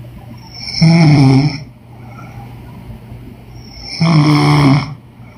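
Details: Woman snoring in sleep: two loud, vibrating snores on in-breaths, about three seconds apart, with quiet breathing between.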